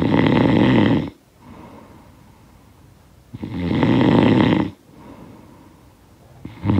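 Loud, rough snores on each inhalation, with quiet exhalations between, about 18 breaths a minute.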